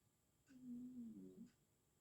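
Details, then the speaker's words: A single soft, hum-like snore from a pet sleeping sweetly nearby in a quiet room; snoring. "Так вибачте якщо ви будете якісь звуки чути що хтось хропить або хтось підвиває от як зараз можливо було чутно то це хропе"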